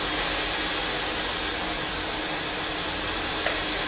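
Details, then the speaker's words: Modulated white noise from a tinnitus sound generator, rising and falling; it can be set faster like wind or slower like the sea, for tinnitus relief therapy. "questo è sempre il rumore bianco che conosciamo il rumore modulato vedete anche nel disegno Sale scende Sale"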